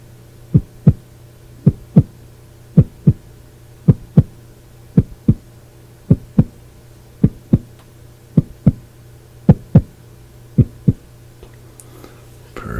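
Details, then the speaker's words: Simulated ASMR roleplay exam: stethoscope heart auscultation while the patient takes deep breaths. Paired low heart sounds, regular, about 54 beats a minute, over a steady hum; judged normal ("everything sounds good"). "Everything sounds good there."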